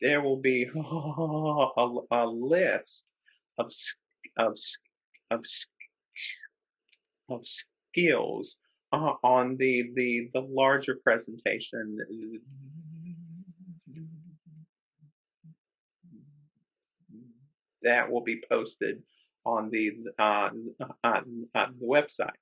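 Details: Adult man who stutters speaking with repetitions, interjections and pauses; stuttering.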